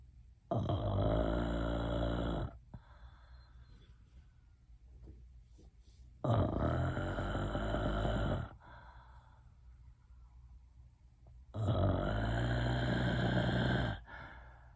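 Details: Real recording of three loud, long, rattling snores, each about two seconds, with quiet breathing between them: heavy snoring.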